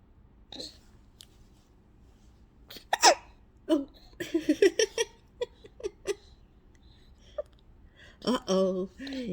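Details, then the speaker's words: Baby boy who just woke up happy: short, sharp catches in the breath about every second with soft baby sounds and adult talk; infant hiccups. "what are you doing you got the hiccup you do have hiccups oh no hiccup"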